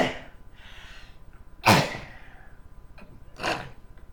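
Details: Two abrupt, sneeze-like bursts over a steady background hum; involuntary cough-type vocal tics in a man with Tourette syndrome.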